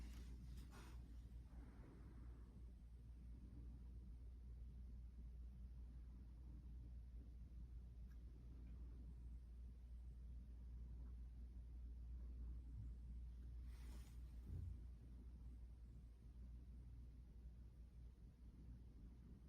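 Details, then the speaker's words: Student nurse listens with the stethoscope over the abdomen: low, steady whooshing rumble, normal vascular sounds with no bruit. "okay okay all of those sound really normal I don't hear anything um other than the normal swoosh I'm supposed to"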